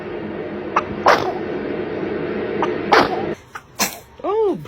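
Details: Baby giving several short, sharp sneezes in quick succession, an adult saying "bless you" and laughing between them.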